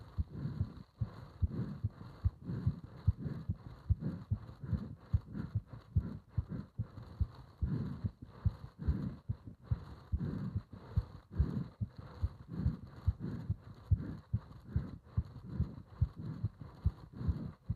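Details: Deep, regular thumping heartbeat, fast at about 140 beats a minute, with a steady hum behind it, recorded during bag breathing (part 3); rapid heartbeat.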